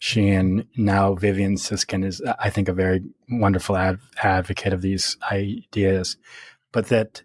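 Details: Real stuttering in an adult man speaking naturally in conversation.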